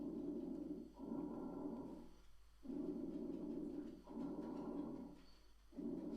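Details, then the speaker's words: On lung auscultation of a patient wearing a finger pulse oximeter, soft, even rustling breath sounds come about 20 times a minute: normal vesicular breath sounds. "Y si os fijáis en el espectro, ¿vale? Tenemos aquí el murmullo vesicular normal."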